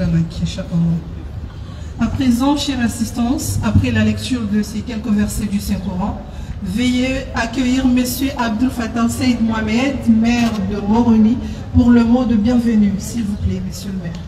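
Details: Adult female speaker; ordinary speech.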